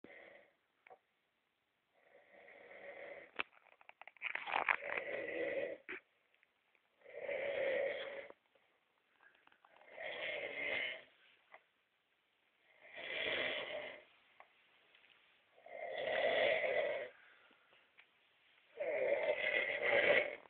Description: This chap had only fallen asleep about 30 seconds before hand,the fuckin snoring out of him,the boys decided to have a bit of fun with him